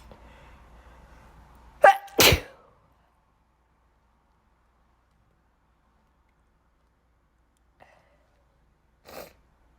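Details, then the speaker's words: Two loud sneezes close together, each preceded by a sharp inhaled catch, then quiet; allergic sneezing after a recent cold, possibly triggered by their cat. "sorry and I'm sneezing because of allergies um I had a cold but it's it's gone so I'm happy for that but now it's allergies"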